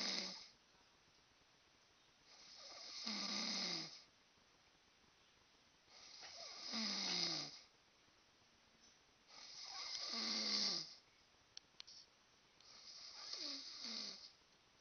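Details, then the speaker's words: Snoring from an adult man asleep: loud, rough snores in regular breath cycles, about 17 per minute, with quiet pauses between. "Do you hear that? That's him snoring. I can't go to sleep unless this guy, like, I can't sleep unless this guy is, like, in another house."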